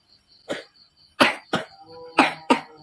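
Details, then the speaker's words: A child with a sore throat gives five short, dry cough bursts in a quiet room, acted. "batuk ya. Sakit ya tenggorokannya ya."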